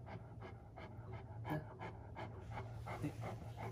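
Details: A male Great Pyrenees, born November 2014, pants rapidly and steadily at about 170 breaths a minute after a stove slightly raises the room temperature: heavy panting from heat intolerance.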